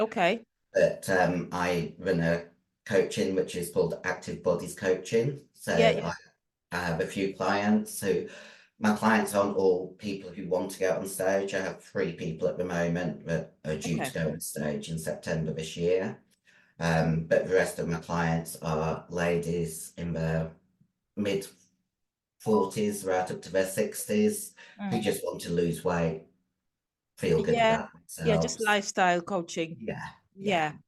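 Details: 56-year-old female bodybuilder with voice deepening after large-dose anabolic/male steroid use; she reports the voice changed from high-pitched to very deep and she can no longer sing; virilized voice.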